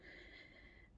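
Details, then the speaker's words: A single noisy, effortful gasp-like in-breath from an adult with lung disease who coughs a lot and struggles to breathe while walking and talking: laboured breathing. "I cough a lot I struggle to breathe um I can't walk and talk and of course well you heard me I do walk and talk um but I sound like I'm gasping for breath half the time"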